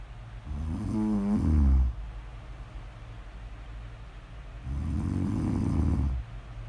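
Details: Two loud, low rattling snores on breathing in, about three seconds apart, with quiet breathing between; snoring.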